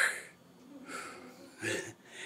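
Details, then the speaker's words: Teaching example of fluid overload progressing: fine inspiratory crackles, like velcro, heard through much of each inhalation rather than only at its start. They indicate fluid building up in the lungs. "when the patient begins to retain fluid you will hear early, inspiratory crackles in other words, at the start of inhalation you will hear crackles. (like the sound of velcro)"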